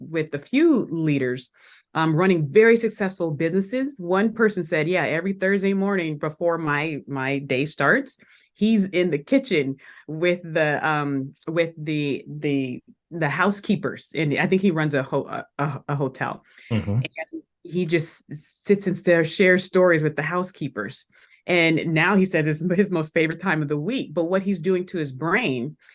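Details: Adult woman who has stuttered since elementary school, had speech therapy three times a week, still stutters today with occasional blocks where nothing comes out; stuttering.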